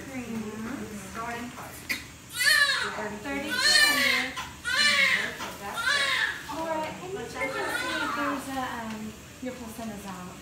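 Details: Newborn boy just after normal vaginal delivery at 37 weeks, no epidural, about seven pounds: loud, vigorous, repeated crying with rising and falling wails, a healthy cry after birth.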